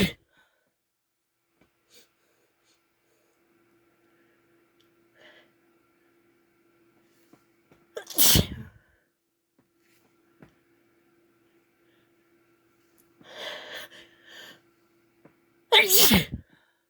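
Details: Sneezes induced with chikni: two strong, breathy, wet, explosive sneezes, each preceded by sharp inhalations, with quiet pauses and faint background hum.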